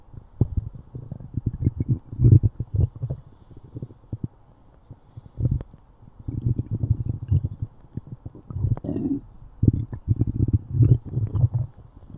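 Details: Stomach growling (borborygmi): loud, deep gurgling rumbles of bowel sounds in repeated waves with short pauses.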